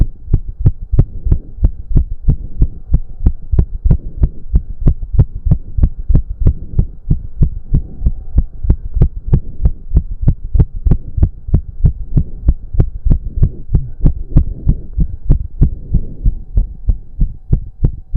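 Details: Male's hard, fast, regular thudding heartbeat at roughly 190 bpm with a faint hum, with heavy breathing, during a 15-minute intense cardio workout (stated close to 200 bpm); exercise-induced sinus tachycardia.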